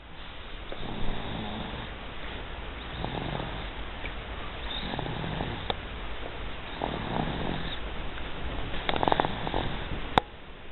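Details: Soft, rumbling, grunting snores over about ten seconds with a steady background noise, snoring likened to a Wookie.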